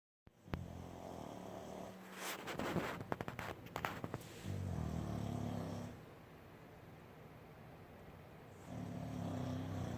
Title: Snoring puppy 🐶